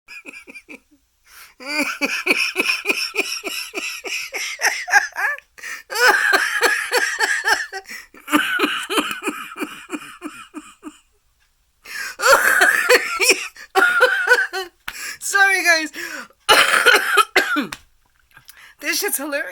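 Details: Adult woman, non-smoker, with Bell's palsy and a cold: laughs in rapid voiced pulses, then gives several harsh, wet-sounding coughs; cough with a cold.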